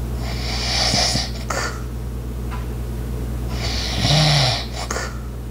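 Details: Soft, hissing, light snoring breaths during sleep, over a steady low household hum with ice maker and clock sounds in the background; snoring.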